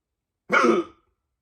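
One loud, abrupt voiced gulp with a rough, throaty quality, fitting a forceful hiccup.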